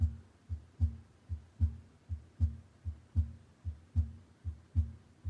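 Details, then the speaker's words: Regular lub-dub heart sounds at about 75 beats a minute from a patient simulator, auscultated at the aortic area with regular rhythm; normal S1 and S2. "and here you can hear the heart sounds audibly we're listening for the love dog lub dub"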